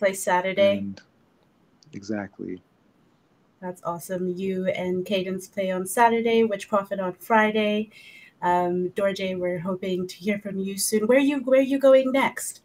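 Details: Adult speaker in conversation; ordinary speech.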